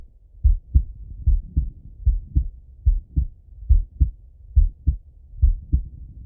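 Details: Male heart auscultated with a stethoscope, recorded partly sitting at a desk and partly lying in bed: clear, regular two-part heartbeat about 72 a minute; normal heart sounds.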